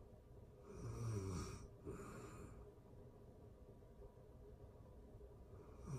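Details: Real-time recording of a sleeping adult: low rumbling snores with quiet breathing between them; snoring.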